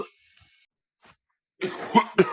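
A short run of two or three harsh cough bursts after a brief quiet stretch.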